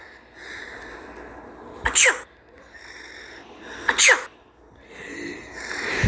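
Two loud, sharp sneezes about two seconds apart, each with a quick intake before the burst; soft voice between them.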